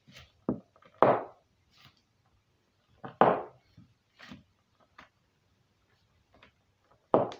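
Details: Cracking of toe joints: several sharp, dull pops spaced irregularly over a few seconds, a harmless sound.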